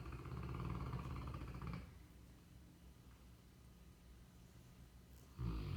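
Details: Sleeping Cane Corso, a large dog: deep, rattling snores with a quieter pause between breaths; ordinary dog snoring.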